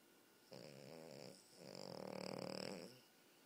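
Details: A French bulldog snoring: a short vibrating snort followed by a longer fluttering, rattly breath in a quiet room.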